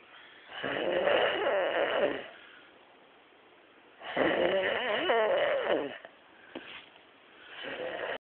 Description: a man snoring on the couch